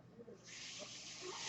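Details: Real recording of a podcaster's own mechanical ventilator audible while he talks: a steady airy hiss builds and holds as the ventilator delivers a breath.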